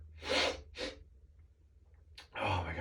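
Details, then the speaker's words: Adult sneezing on waking with morning allergies, nose tickly: two quick airy bursts, a pause, then another forceful sneeze in a run of sneezes. "Oh, my nose is so Oh, so tickly. My gosh. Oh my goodness. I keep feeling like Oh, like I'm going to sneeze. Sneezes."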